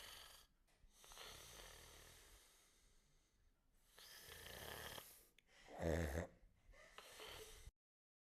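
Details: Snoring: noisy sleep breathing with one loud, rattling snore burst on an in-breath.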